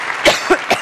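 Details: The Prime Minister, speaking at the Conservative Party conference in Manchester, has a coughing fit: three quick, harsh cough bursts from an adult over amplified hall sound.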